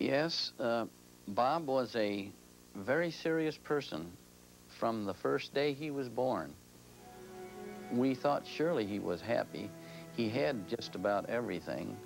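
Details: Adult man, parent speaking; typical speech.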